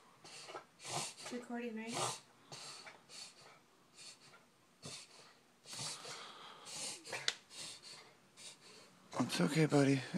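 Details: Puggle (small dog) in an occasional noisy breathing episode, described as the worst yet and lasting minutes: repeated loud snorting, honking breaths with a soft voice nearby; noisy obstructed breathing.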